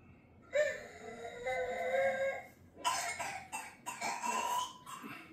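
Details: Child with whooping cough (pertussis), from a Dutch news report on rising cases and infant deaths: strained coughing bursts with a high, crowing, tonal whoop between them, typical of pertussis.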